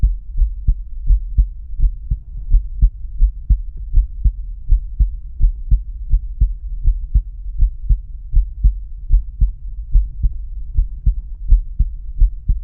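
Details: Adult male's own heart auscultated with the stethoscope diaphragm across the aortic, pulmonic, Erb's point, tricuspid and mitral/apex areas; normal heart sounds.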